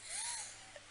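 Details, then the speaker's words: Person with asthma acting up despite taking inhalers, talking while still wheezy; a single breath carries a thin, high musical whistle rising and falling: wheeze. "by the way if you can hear me wheezing my Aston is playing up so I do apologize I've taken my inhalers but I'm still a little bit wheezy so I do apologize for that"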